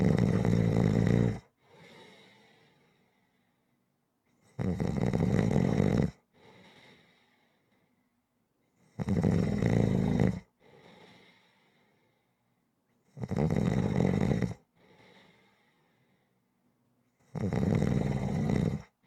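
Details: Rhythmic snoring recording: loud, regular rattling snores on each inhale, each followed by a softer exhale, about 14 a minute; snoring.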